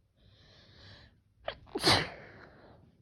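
A quiet sniffling breath, a short catch, then one sharp explosive sneeze that trails off: a single sneeze.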